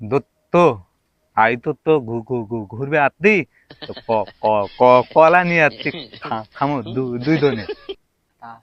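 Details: Adult male, acted comedy; stuttering (acted).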